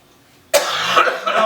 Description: When you have a bad cough :(